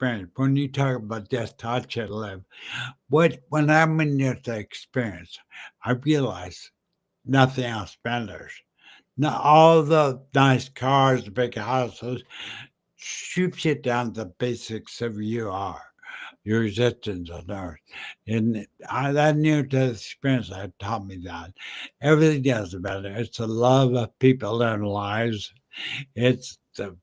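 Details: Adult man with slurred speech after a stroke in September 2015 that also caused aphasia and short-term memory loss; says people think he is drunk; dysarthria.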